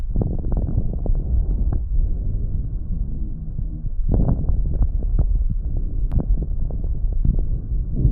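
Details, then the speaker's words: Coarse crackles, described in conditions such as bronchitis and pulmonary edema: low, moist bubbling pops through the breaths as air moves through fluid or mucus in the airways. "तो यहां पे bromide जो special नलिका की सूजन की condition में यहां पे इसे कोर्स क्रैकर्स साउंड देखने को मिलता है तो कोर्स क्रैकर साउंड है वो इस तरह सुनाई पड़ता है"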